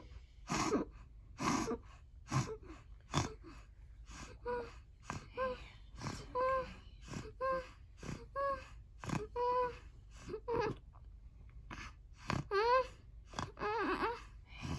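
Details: Child with epilepsy during his fifth tonic seizure of the day, comforted by caregivers: repeated gasping breaths with strained, whimpering tonal cries in rhythmic bursts.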